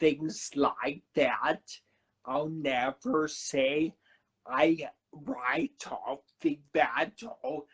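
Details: Man who had a cerebellar stroke at age 35 in September 2013, initially unable to talk, with a paralyzed vocal cord and aphasia mentioned; dysarthria with dysphonia after stroke.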